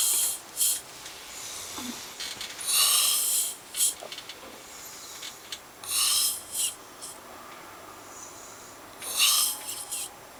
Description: This snoring is unbelievable